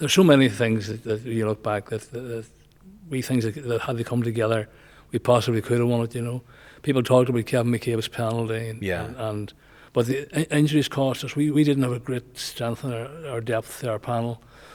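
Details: Male nearly 65 with Parkinson's disease who noticed a voice change before diagnosis and has word-finding difficulty; hypokinetic dysarthria (Parkinson's disease).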